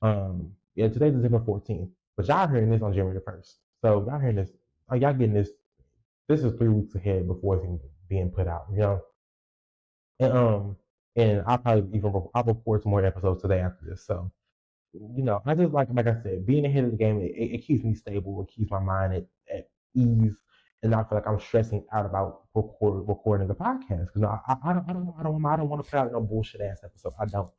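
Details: Stuttering in an adult male podcaster who reports a lifelong speech impediment, real unedited speech.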